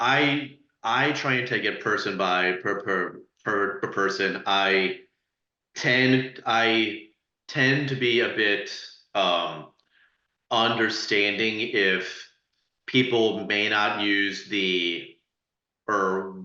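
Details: Adult panelist who stutters, speaking on a webinar about stuttering and dating, with audible repetitions; stuttering.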